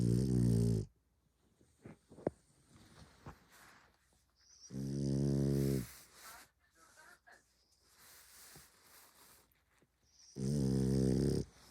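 Loud, low rattling snores on inhalation, about three in twelve seconds, with quiet breathing between: dog snoring.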